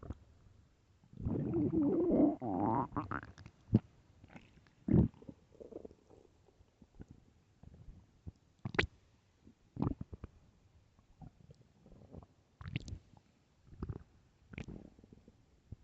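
A long, loud gurgling growl, then many short squelches and pops from the stomach: loud stomach growling, ordinary gut activity.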